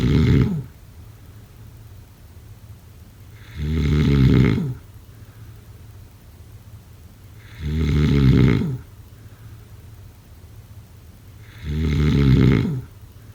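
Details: Loud, regular, low rattling snores on each breath in, about 15 a minute, with quiet pauses between them: snoring.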